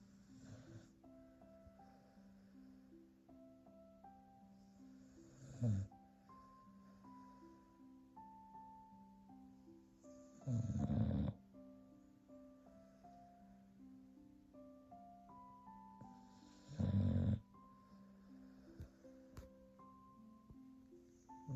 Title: Wait for it….Even Mocha’s snoring is cute! #crochetconnection